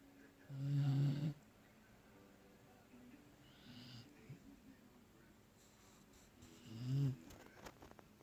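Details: Two loud, low, rumbling snores about six seconds apart in a quiet room, with faint breathing between; snoring.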